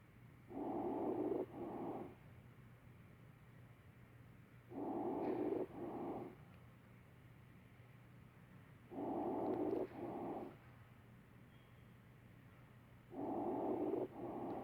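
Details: Simulated lung sounds of pneumonia (community-acquired) auscultated on a mannequin volunteer.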